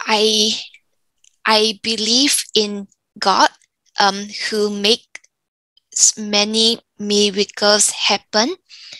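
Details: 34-year-old woman, stroke from arteriovenous malformation at age 31 (July 2019), weaker right side and memory decline; Mandarin speaker who lost tones; in speech therapy; aphasia with apraxia of speech.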